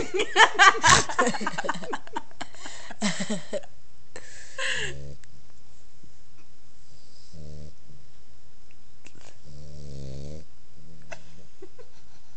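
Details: Sleeping female pitbull puppy snoring: rustling handling noise, then several short, low, grunting snores spaced a few seconds apart.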